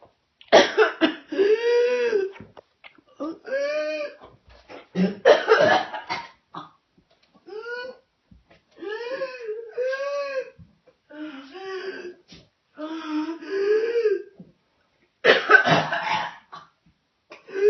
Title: Suspected whooping cough adult